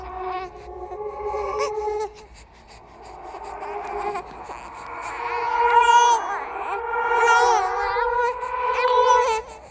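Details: Horror sound-effect track of a ghost baby: wailing infant-like crying with rising and falling pitch over a low hum; infant cry.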